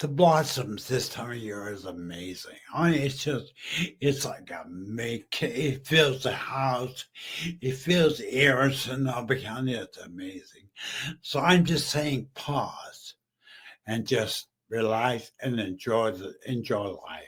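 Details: Aphasia in a male stroke survivor about 15 years after stroke and brain injury; he was once mute, is half paralyzed and uses a wheelchair.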